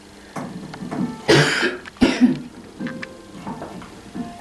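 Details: Adult performer coughing during a recording performance: two harsh, abrupt coughs, the second shorter, over soft background music in a small room.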